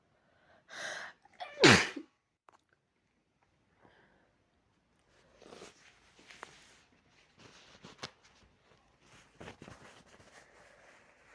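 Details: Two loud, violent sneezes from a person with a cold and a very sore throat, the second especially forceful, then quiet sniffling and rustling; sneezing.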